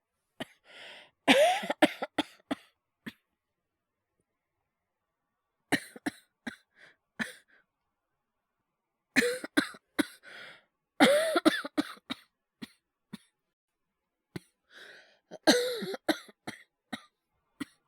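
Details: Acted cough voice by a male voice performer, all performed, no dialogue: bouts of harsh, repeated coughing with short rasping breaths between them, separated by silence; simulated cough, not real illness.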